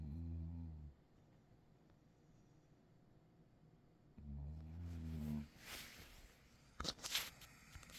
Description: Deeply sacked out Cattledog caught snoring.